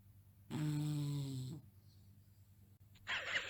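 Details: Bonnie, a bulldog, snoring while asleep. Snoring.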